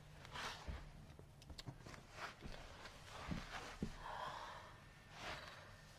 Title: Burping turns to uncontrollable hiccup attack